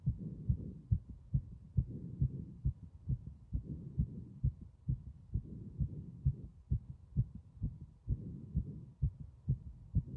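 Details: Strong, regular low thumping heartbeat at roughly 130 beats a minute, loud throughout; strong heart sounds.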